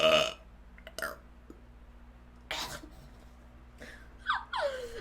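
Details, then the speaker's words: Streamer who describes herself as very gassy: several short voiced belches over a steady background hum; burping. "I'm a burper here on the stream and I'm very gassy so if you guys are not into that that's okay I do not mind"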